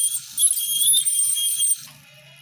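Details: High-pitched whine and squeal of an ultrasonic scaler removing tartar from teeth at a dentist, with a faint low murmur of suction or voices.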